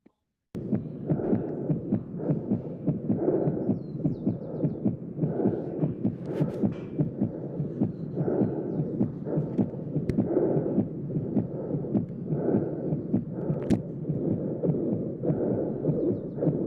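Quick regular heartbeats with harsh, rough noise filling the systolic gap: the holosystolic murmur of a ventricular septal defect.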